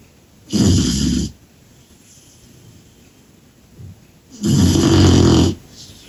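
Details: Cane Corso puppy snoring like an old man while asleep after a busy day.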